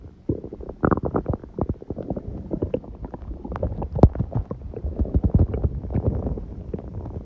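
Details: Stomach growling recorded at 1:30 am, about six hours after eating too much udon, owner suspects reaction to gluten after a long break; continuous bubbling, gurgling rumbles with irregular pops and squeaks (borborygmi).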